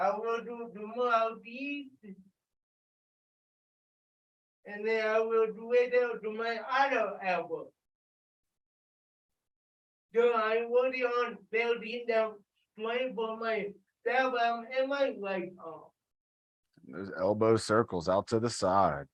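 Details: Adult with cerebral palsy speaking during a live workout session, told to talk loudly; dysarthria due to cerebral palsy.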